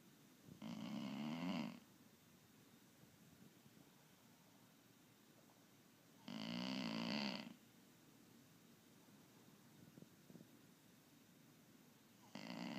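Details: Pit mix rescue puppy snoring while asleep after a hike: loud rattling snores about every five to six seconds, roughly 11 a minute, with quiet pauses between; dog snoring.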